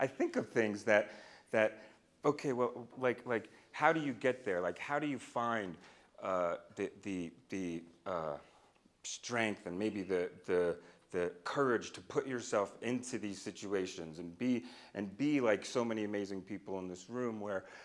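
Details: Stuttering with part-word and whole-word repetitions in an adult man, a person who stutters and speech-language pathologist, speaking live; he says he used to stutter overtly a lot more.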